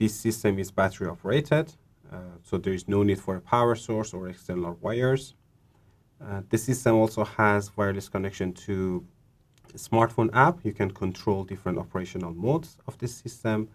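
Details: Adult male speaker; typical speech.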